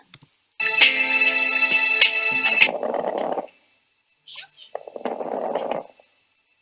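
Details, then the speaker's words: Stridor played as a teaching example: an abnormal high-pitched breath sound similar to wheezing, but louder when heard with a stethoscope over the throat. "Stridor itu adalah bunyi abnormal pada paru yang nadanya tinggi. Jadi mirip dengan wiing ya. Tapi ee kalau didengarkan dengan setoskop di tenggorokan itu suaranya terdengar lebih keras."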